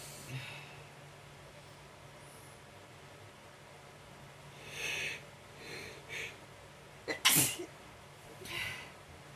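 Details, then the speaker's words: A non-stop sneezing attack: several sharp, breathy bursts, then a loud explosive sneeze, a run of repeated sneezes in a quiet room. "I can't stop sneezing. Bless me."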